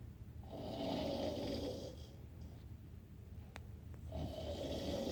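Two rough, rattling breathing sounds with a quieter gap between them, with room noise behind; snoring.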